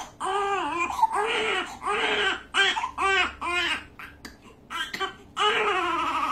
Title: Baby Cries During Circumcision